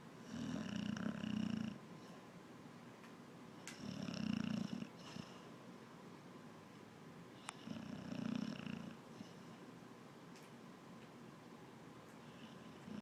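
Loud, regular rattling snores on each breath, about fifteen a minute, with quiet pauses between them.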